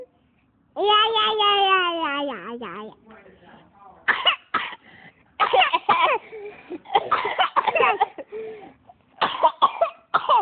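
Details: Two siblings, a daughter and a son with a cold, egging each other on: a long falling vocal sound, then a run of sharp, repeated coughing bursts in close succession.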